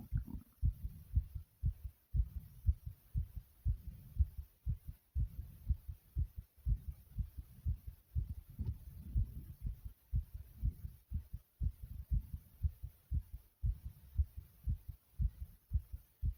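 Strong, fast low thumping heartbeat at about 120 beats a minute, fairly regular.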